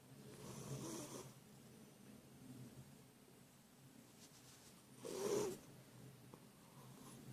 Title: Funny cat snoring when he sleeps